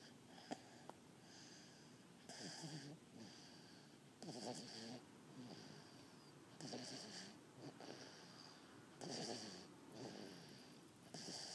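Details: Snoring at 15 weeks of age: soft, slow, raspy, whistling breaths in sleep, about 28 a minute, with a wheezy edge; snoring.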